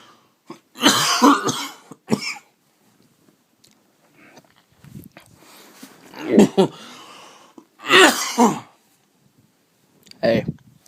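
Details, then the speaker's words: An adult with a cold, blocked ears and a runny nose coughs: repeated harsh coughs in bouts, with throat clearing between them, in a quiet room. "I was thinking what can I talk about I can't really talk about anything with this cough it bugs me"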